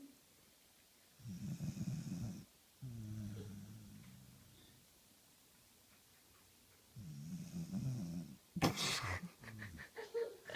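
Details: Beagle dog exhausted after playing all day, asleep on a couch: low, rumbling snores with a rattling quality, each over a second, with a louder snort near the end.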